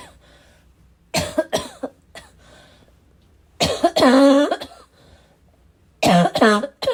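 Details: Adult's persistent coughing fit with snorting between; three harsh, rough, voiced bursts with throat clearing, productive-sounding, described as a little wheezy, a little chesty and barking as usual: chesty cough.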